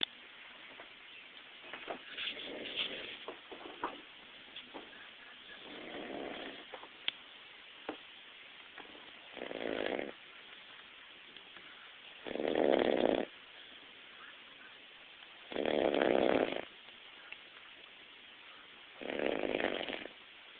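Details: Adult man napping and snoring loudly: rasping snores about every three seconds grow steadily louder, with a steady background hiss.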